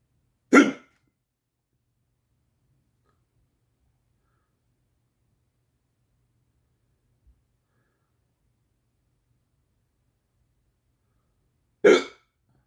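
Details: Person with hiccups that won't stop, saying it is the fourth bout today, gives two abrupt, brief hiccups about eleven seconds apart in a quiet room; persistent hiccups.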